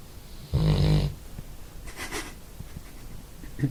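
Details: Resting dog snoring in a small room: one loud, low, rattling breath followed by quieter breathing.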